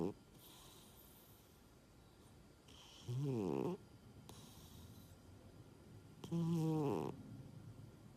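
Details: Funny snoring from a sleeping cat; snoring.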